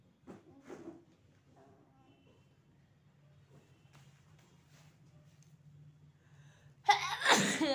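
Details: Adult with a cold and chest and head pain: quiet sniffing and breathing, then a sudden loud sneeze burst near the end.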